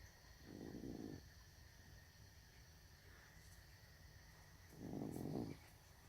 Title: Cat snoring